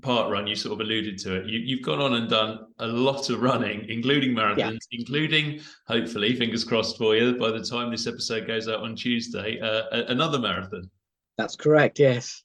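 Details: Adult male speaker; normal speech.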